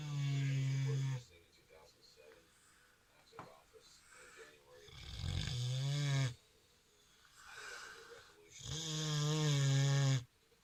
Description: Our mini pig "Kinkku" snores when she sleeps.